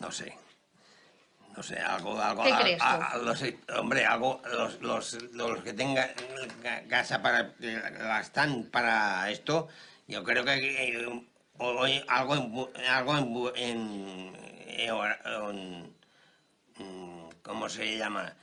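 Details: Conduction aphasia due to a cerebral hemorrhage in a man after seven years of physical and communicative rehabilitation; difficulty finding some names and structuring long sentences.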